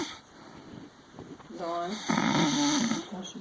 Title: Sweet Sister Snores